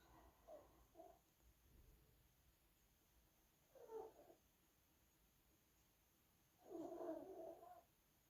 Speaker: That's my dog snoring in the background. If you can hear her, she's an old girl.